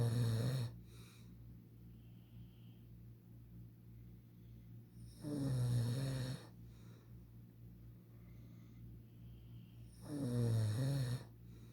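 Three loud, low, rattling snores about five seconds apart, with quiet breathing between them; typical snoring.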